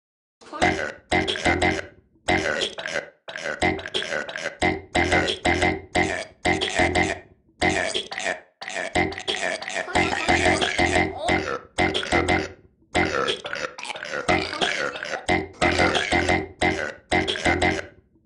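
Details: Loud belches edited into a steady rhythmic pattern over a beat: a burp remix, not natural burping.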